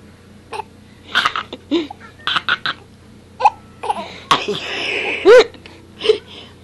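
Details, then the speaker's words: Baby laughing and babbling, broken by several abrupt, short catching sounds: hiccups during laughter. "yeah yeah hey Kayla you got a picture of meat have you no okay good okay then hey she got the hiccups now oh"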